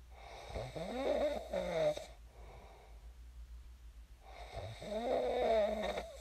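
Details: Real recording of a person snoring in their sleep, shared as snoring ASMR: two long, buzzing, fluttering inspiratory snores separated by a quiet breath out, in a quiet room.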